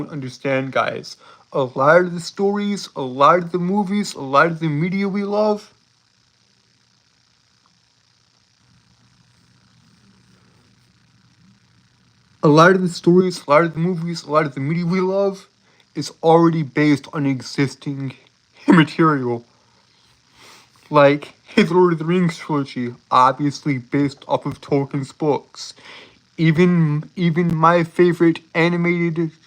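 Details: Lifelong speech impediment present since birth in an adult male, who holds syllables rather than repeating sounds; stuttering with prolongations and blocks.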